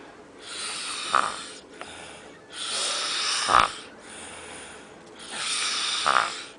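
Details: A person snoring in Cancun, Mexico: three rough, rattling breaths in about six seconds, each ending in a brief snort, roughly 25 a minute; ordinary snoring.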